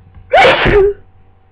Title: More flu sneezes